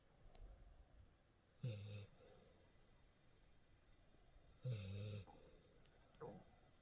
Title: 강아지 코골이 소리 ~~